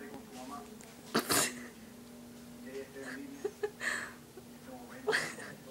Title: Fart sneeze